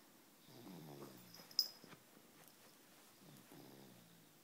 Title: Snoring Baby!